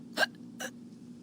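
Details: Sound-effect hiccups for a read-aloud children's story (Skeleton Hiccups): two short sharp hiccup sounds about half a second apart over faint hum.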